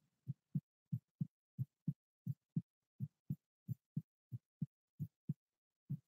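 Clear, regular lub-dub heartbeat at about 90 beats a minute in a quiet setting.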